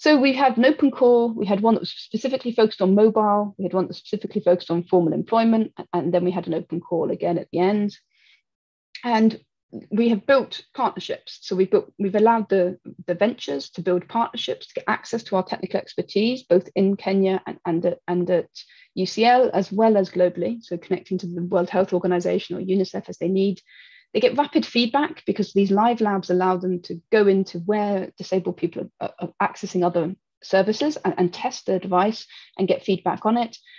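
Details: Adult woman speaking; normal speech.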